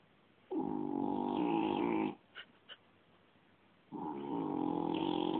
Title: Funny cat snoring